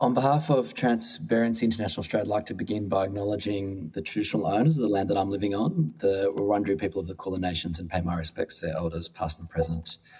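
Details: Adult man speaking; Normal speech.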